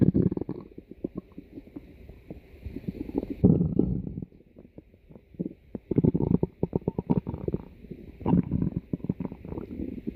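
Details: Loud, low gurgling and rumbling in irregular bursts; stomach growling (borborygmi).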